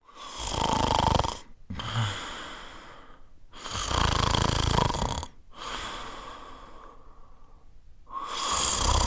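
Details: Snoring: loud, rough snoring breaths repeat in a steady rhythm, each followed by a quieter breathing phase.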